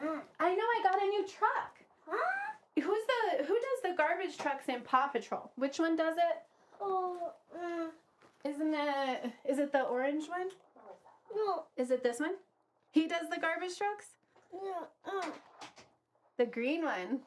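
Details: Adult woman talking to a young child; ordinary speech.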